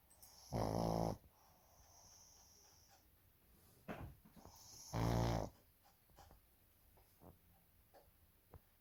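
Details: Two loud, rattling snores about four seconds apart with quiet breathing and soft snuffles between, from a sleeping baby pug; snoring.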